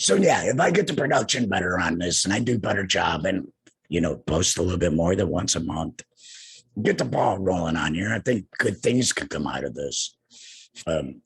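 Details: Man two years after laryngectomy for cancer, larynx removed, using an HME (heat and moisture exchanger) and speaking without a larynx: alaryngeal speech after laryngectomy.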